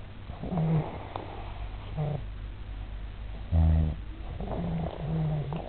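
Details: Adult man asleep: low, fluttering snorts and rumbles repeating irregularly over a steady low background hum; snoring.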